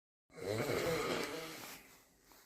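One loud, rough, rattling snore lasting about a second and a half, fading out at the end.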